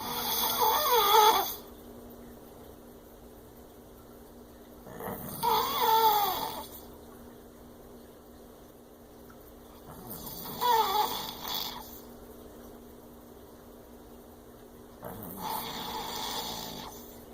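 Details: Someone snoring heavily: four long, noisy snoring breaths about every five seconds, with a wavering, whistling rasp and quiet gaps between.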